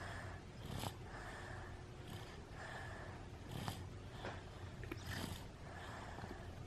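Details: Someone sick falling asleep with a little snoring sound.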